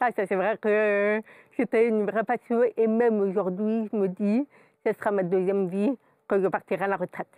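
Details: Adult woman, profoundly deaf since birth, who has never heard her own voice; her speech results from twenty years of speech therapy three times a week; deaf speech.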